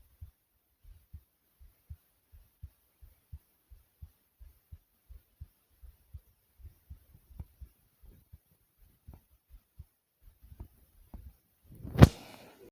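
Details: Normal resting heartbeat recorded while lying down: soft, steady low thumps at about 80 beats a minute, some heard as lub-dub pairs, ending in a brief rustle.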